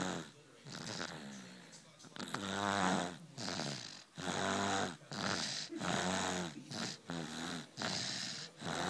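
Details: Repeated snorting, rattling breaths with a faint voice-like tone, about eight in nine seconds, from a sleeping baby lying on dad's lap on a couch; infant snoring.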